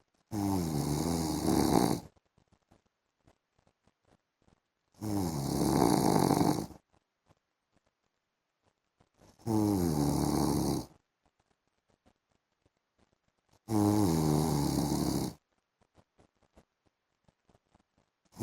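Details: A husband snoring while asleep in the afternoon: long, rattling snores about 14 a minute, each under two seconds, separated by quiet gaps with faint clicks.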